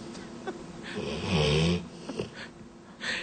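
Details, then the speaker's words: Pet dog snoring, shown on a TV news segment about a pet snoring product: low rumbling breath noise with a rattling snore on the breath over studio background; snoring. "Well what it does it shrinks the swollen soft tissues in the back of the throat and it dries the mucus out of the sinus cavity. So it opens and clear both air passages."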